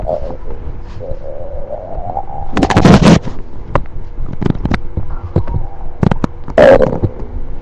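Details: Stomach growling (borborygmi).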